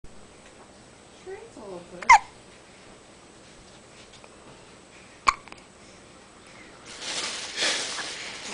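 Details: An infant girl, untroubled by it, with two sharp, abrupt hiccups a few seconds apart, soft babbling before and rustling at the end; hiccups.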